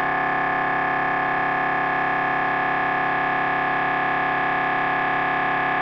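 Loud, steady buzzing drone with rapid regular pulsing, about 170 a minute, typical of an MRI scanner running a brain sequence.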